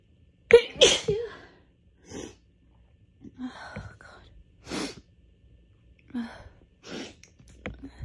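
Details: Allergic sneezing fit during a week of bad allergies, recorded just before bed: a run of about six sneezes, some with short catching breaths before them.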